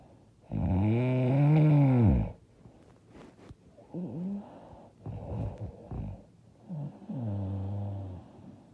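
Loud, deep, buzzing snores on inhalation with quieter breathing between; heavy snoring.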